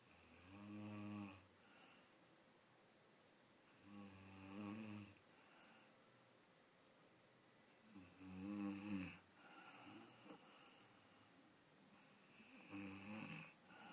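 Four loud, vibrating snores on the in-breath, about 17 breaths a minute, in a quiet room; snoring during sleep.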